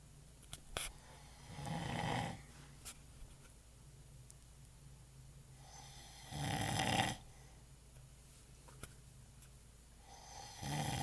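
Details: An adult man, a father who denied snoring, sleeping: slow, rough snoring with soft inward snorts and whistling outward breaths, about 12 breaths a minute, scattered clicks in a quiet room; snoring.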